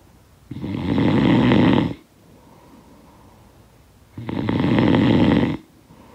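Two long, coarse snores with quieter breaths between them, at a steady sleep rhythm. Ordinary-sounding snoring, from a sound-effect recording.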